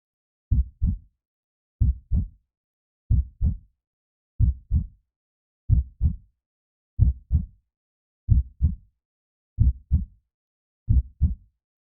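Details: Creepy horror/Halloween heartbeat sound effect, synthetic: slow, regular paired low thumps, about 46 a minute, against silence.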